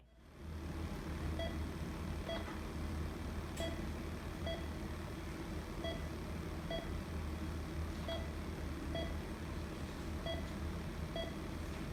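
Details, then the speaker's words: Monitor beeps from a teaching EKG rhythm; about ten beeps alternating short and long gaps over low room hum, regularly irregular rhythm. "contraction it's an early pqrst and it's not keeping up with the regular rhythm"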